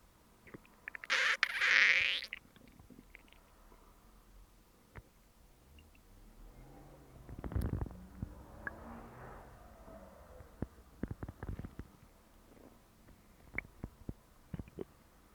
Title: Stomach growls